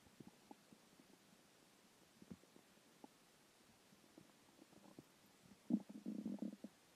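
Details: Skipped lunch; quiet scattered gurgles and pops, ending in a longer low growl: hunger stomach growling (borborygmi).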